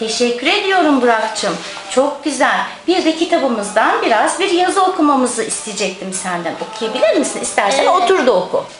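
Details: Adult woman speaking; Normal fluent speech.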